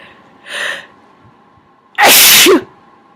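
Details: Person who has just become sick, clearing sinuses with nose blowing: a soft intake of breath, then a single loud, sharp sneeze in a quiet room, one of a run of smaller sneezes.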